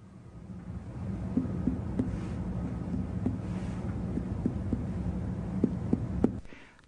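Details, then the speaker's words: Light finger percussion over the abdomen, checking the distribution of tympany and dullness: brief hollow tympanic notes, indicating gas in the stomach or intestine; patient lying relaxed with bladder emptied. "lightly percuss the abdomen to assess the distribution of tympani and dullness"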